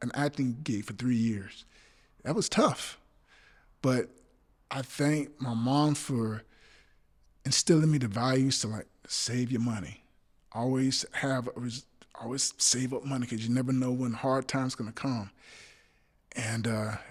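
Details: Adult male actor with stuttering since childhood that still persists, including on the phone and in person; stuttering.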